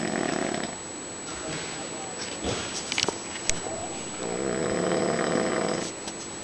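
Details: Adult man snoring at night while camping; snoring.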